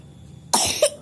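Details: Single short, harsh cough from a baby boy, ending in a brief voiced sound, with faint background music.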